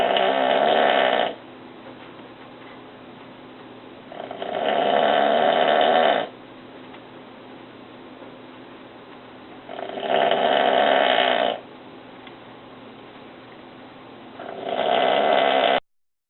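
Loud, rough snores in a slow regular rhythm, about 13 a minute, with quiet breathing between them; ordinary heavy snoring.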